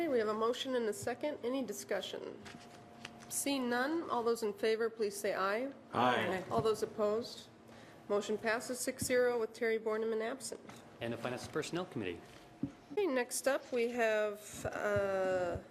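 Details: Adult woman speaking; normal speech.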